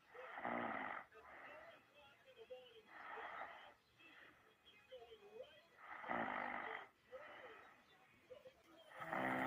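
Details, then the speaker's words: Adult snoring during sleep while wearing an electric massage sleep mask switched on full blast; possible sleep apnea is questioned. Loud, rough snores with slow, deep breaths, about 20 a minute, and quieter whistly breaths between; heavy snoring. "Okay, we got a little sleepy snores. Let's see what happens."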